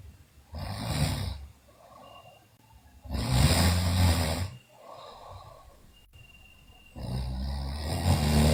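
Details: Sleeping girl: loud, rough snores on the in-breath alternating with quieter out-breaths, about three breaths in eight seconds; snoring.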